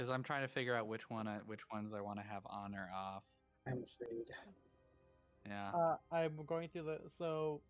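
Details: Adult man speaking; typical speech.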